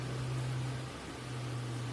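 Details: Running suction machine, steady low motor hum with airy hiss, during nasal suctioning of a child after postural drainage to clear sputum; catheter inserted about 10 cm into the nose, rinsed in NaCl.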